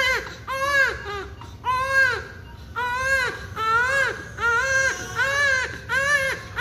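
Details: Rhythmic, high-pitched crying in repeated bursts with brief breaths between, from a premature newborn during cannula insertion: a pain cry during a needle procedure.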